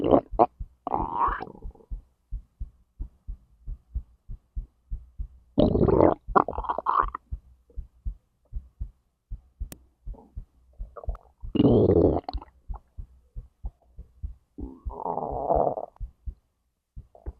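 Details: Own recording of heartbeat and digestion from stomach to intestines: steady soft heartbeat thumps with intermittent gurgles and squelching layered over them; normal bowel sounds.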